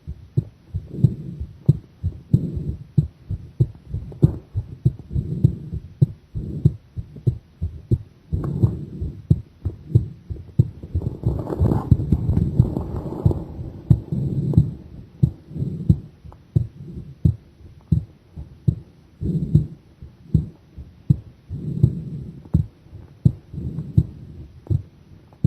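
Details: Heart sounds during a strained breath-hold: regular low heart thumps with a noisy straining stretch, the heart rate slowing at times.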